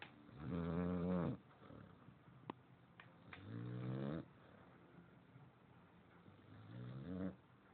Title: Snoring